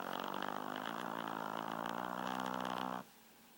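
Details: Four-pound Shih Tzu named GinGin giving one long, loud, rattling snore, deep and heavy for such a tiny dog, then quiet; snoring likened to a bulldog's.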